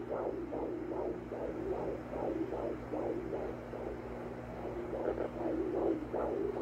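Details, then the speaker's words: Home Doppler fetal heartbeat: rapid, regular whooshing pulses about 140–150 a minute over a steady hum; rate read as 135, described as strong. "so we are doing an at-home we recall in this at home ultrasound and we can hear the heartbeat"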